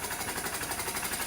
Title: SERVO-n ventilator - HFO(High Frequency Oscillatory Ventilation)